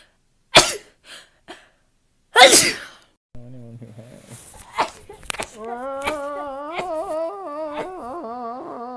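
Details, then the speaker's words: Sneezing from a rapid-sneeze compilation: two sharp sneezes with short breathy gasps between, then talk and background music. "i hate sneezing i hate it right now i hate it other times i don't care but i hate it right now"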